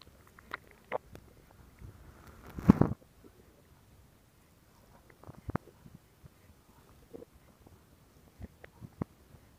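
Scattered soft gurgles and pops with one louder rumbling gurgle: ordinary stomach growling, a normal bowel sound.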